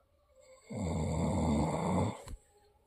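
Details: Person snoring: a single loud, rumbling inward snore lasting about a second and a half, then a short snort.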